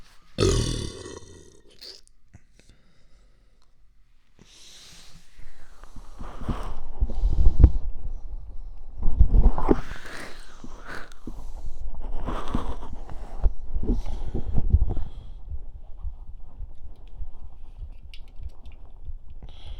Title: 3Dio Stomach Sounds: Soda gulps and burps